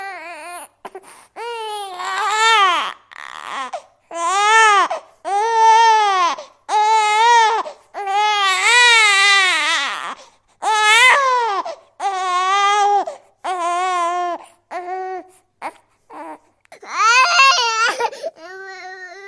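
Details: A newborn daughter cries in repeated rhythmic wails with short breaths between them, a normal infant cry.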